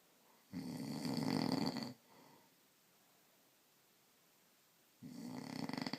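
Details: Snoring husband: loud, rough, rattling snores on each breath in, with quiet pauses between, in a small quiet room.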